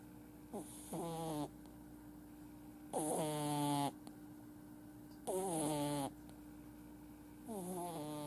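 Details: Male flat-faced Exotic kitten, born July 2018, who snores whenever asleep, sleeping with eyes half-open: regular squeaky, wheezy snores about every two seconds.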